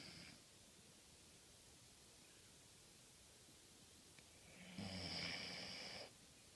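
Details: Soft snoring recorded 11/9/14: in a quiet room with steady hiss, one drawn-out, buzzing breath of about a second, plus the tail of another at the start.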